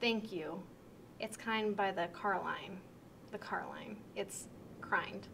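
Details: Demonstration of severe Wernicke's aphasia with impaired comprehension, in a reply that does not answer a question about family; Wernicke's aphasia.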